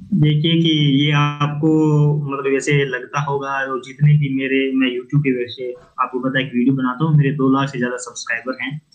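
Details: Adult man who stammers and says his stammer has reduced by about 60-70% from making videos daily, though he still has difficulty with new people and certain words; stuttering.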